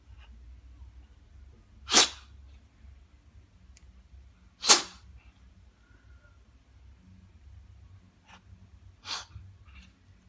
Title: Cat just can't stop sneezing